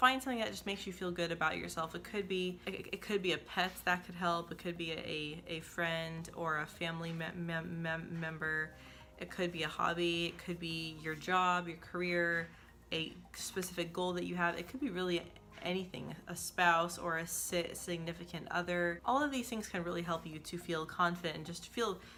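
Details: Woman who describes herself as a person who stutters and says stuttering is the main source of her insecurity and low confidence; stuttering.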